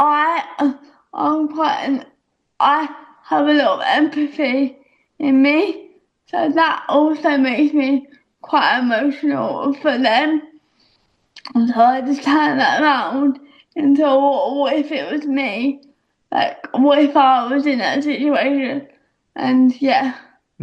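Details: Young actress with a self-reported audible speech impediment that makes her feel a bit stuck in her own body; speech impediment.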